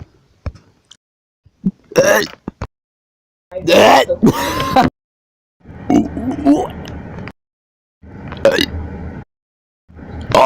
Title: burps compilation 2 SO MANY BURPS